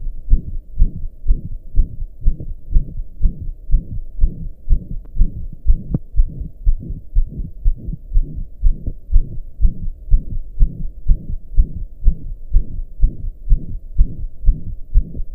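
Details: Own heartbeat recorded lying down after pounding hard for hours, now slowed to about 61 beats a minute, each beat paired with a loud low whoosh: heart murmur.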